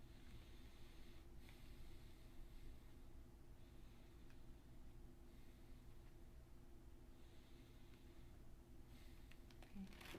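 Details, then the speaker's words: Normal deep breaths during abdominal exam auscultation over the spleen area between anterior and posterior axillary lines, patient taking three deep breaths; soft breathing with steady low hum, no splenic friction rub heard. "so i come a little bit lower so that if the spleen is enlarged it will come down and i will hear the friction rub and so again i will go ahead and have them take three deep breaths in and out"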